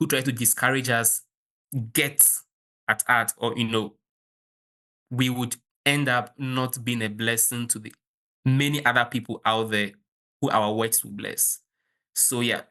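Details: 23-year-old Kenyan man who has stammered since childhood, with the stammer worsening at university; stuttering.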